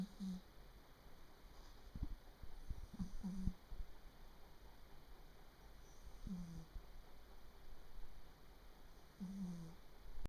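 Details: A 3-year-old Japanese bobtail cat snoring while asleep: soft, low, irregularly spaced snorts and brief nasal snore sounds over faint room noise; the owner wonders whether age is causing the odd sounds.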